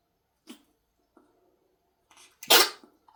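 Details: Animal cough: a couple of faint huffs, then one loud, harsh, explosive burst, a single cough.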